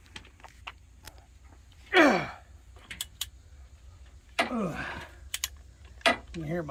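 Several sharp clicks and pops between short bursts of speech and workshop noise; joint cracking in the back.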